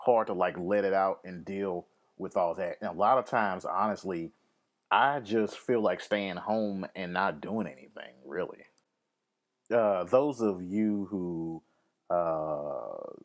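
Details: Lifelong occasional stuttering (stammer), which the speaker links to anxiety, fear of public speaking and speaking in crowds, and depression; stuttering.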